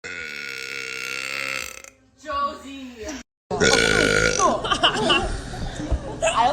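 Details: Compilation of burps: several loud, drawn-out voiced belches in a row with a few short pauses between them.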